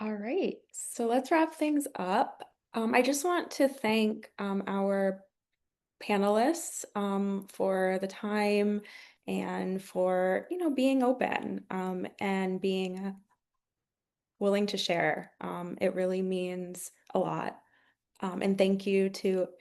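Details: Adult female speaker; fluent speech.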